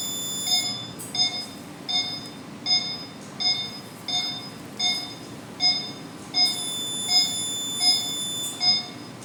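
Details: Regular high beeps about 80 a minute with background music: CO2 laser operating tones during second laser session on a large neck scar two months after removal.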